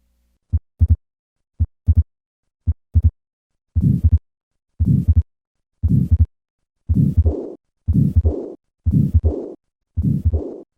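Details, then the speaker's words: Repeat of the murmurs in a patient after tetralogy of Fallot repair: a regular heartbeat near 56 a minute, with later beats carrying a harsh murmur and a softer one after it; pulmonary stenosis and regurgitation. "listen once again to the murmurs of pulmonary stenosis and regurgitation"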